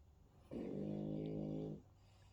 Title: Hunter the French bull dog snoring 😴